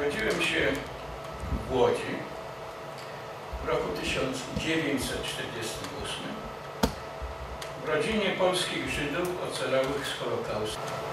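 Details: Adult man speaking Polish, reading a lecture, who has stuttered since childhood (first noticed around age 6-7) and still stutters despite many therapies, including an intensive fluency course; stuttering.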